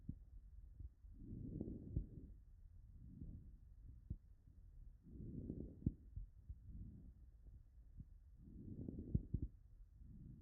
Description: Digital Auscultation of Fine-End Inspiratory Crackles in a patient with Interstitial Lung Disease.